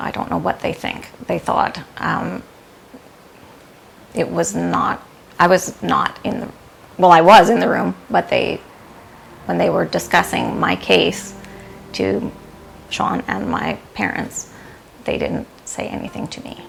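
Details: Aphasia after stroke in an adult woman in recovery, of sudden onset at work with loss of speech and hand difficulty.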